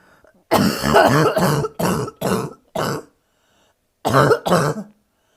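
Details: Woman with bronchitis, lying down, which makes her cough more: six harsh, loud cough bursts in two runs, the first run of four in quick succession, with a brief pause between runs; barking cough.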